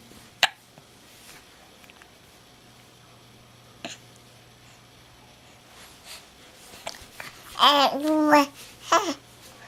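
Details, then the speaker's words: Baby with hiccups, seemingly finding them funny: a few sharp, isolated catches of breath between soft babbling and vocal sounds in a quiet room. "Somebody's got the hiccups."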